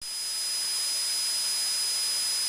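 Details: Simulated tinnitus: a steady high-pitched whine over a loud hiss, imitating the ringing, buzzing or hissing some people hear constantly.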